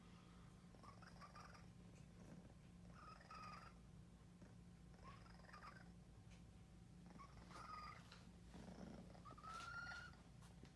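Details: Cat having an asthma attack: no trouble breathing in, effortful noisy exhalations at about 28 breaths a minute, each ending in a squeaky "ugh" grunt, a small-airway expiratory grunt.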